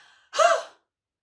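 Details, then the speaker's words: Demonstration of a huff, the forced expiratory technique in the active cycle of breathing for chest clearance: a deep breath in, then a single short, sharp, open-mouthed exhalation to move secretions up toward the throat, like steaming up glasses. "it involves a deep breath in and then as I said a short sharp exhalation something like this it's a bit like if you've ever steamed up glasses to clean it's the same action"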